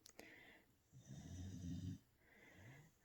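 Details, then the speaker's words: Pet dog snoring in the room during a read-aloud: one long, low, rattling snore on the in-breath, then a fainter second snore starting, with quiet room noise between. "Can you hear my dog snoring?"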